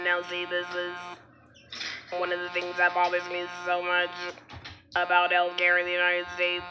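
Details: Adult woman after laryngectomy who has had her throat dilated, speaking with an alaryngeal voice; alaryngeal speech after laryngectomy.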